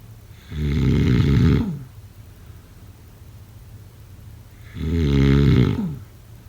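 Two loud, deep, rattling snores about four seconds apart, with quiet breathing in between. Heavy snoring during sleep.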